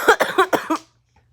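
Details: 1-year-old child with cough, congestion and stuffy nose; a rapid run of five short, voiced coughs in under a second.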